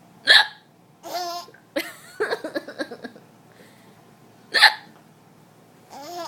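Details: Person's hiccups: two sharp, abrupt hiccups about four seconds apart, with bursts of giggling laughter from another person between them.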